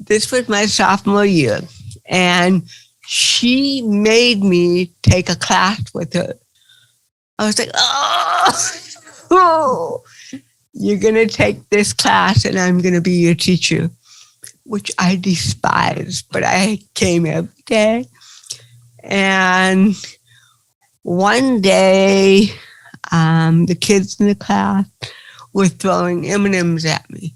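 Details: Adult woman with cerebral palsy, real (not acted), recounting her own life in an interview; dysarthria (cerebral palsy).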